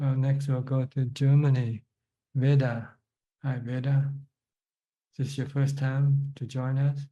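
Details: Adult male speaker; Normal speech.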